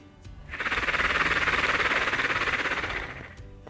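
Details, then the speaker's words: Oscillating positive expiratory pressure device (bronchial vibe): breathing in through the nose, then one long exhalation through the mouth into the device gives a steady fluttering buzz; vibration loosens phlegm for easier coughing. "it it makes a vibration and what it does it the vibe it vibrates into your lung and it helps to loosen up the flame inside so that you can cough it out easier"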